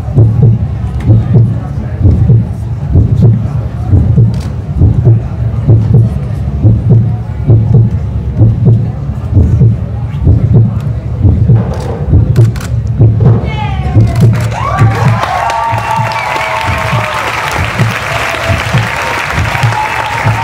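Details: Model's own heartbeat, picked up by a microphone in a stethoscope placed over the heart area and played through speakers in a dress at a fashion show: amplified, regular, about 65 beats a minute, under crowd chatter.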